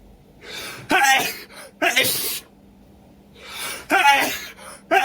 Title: Intense Cold Sneezing Fit And Nose Blow